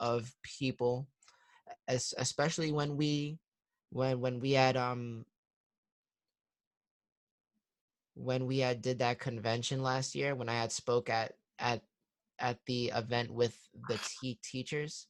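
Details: 21-year-old man in stuttering therapy; three years earlier he stuttered heavily with significant blocks, and he is now much improved but still shows part-word and word repetitions; stuttering.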